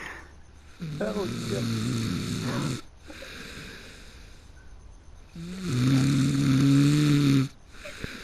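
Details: A person who fell asleep before a game started, snoring heavily: two long, loud, rattling snores with a quieter breath between them.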